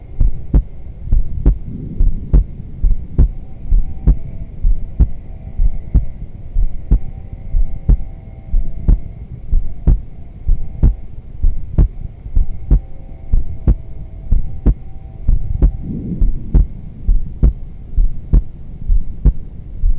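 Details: Steady, regular low thumps at about 64 beats a minute over a faint hum, recorded by a sensitive microphone on an adult woman resting in shavasana during yoga, neighbors' yard noise possible; normal heartbeat.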